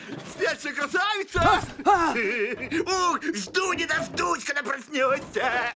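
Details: Artificial, exaggerated lisp made by over-processing a film voice clip, then shown corrected by boosting about 6500-7500 Hz; lisp (simulated).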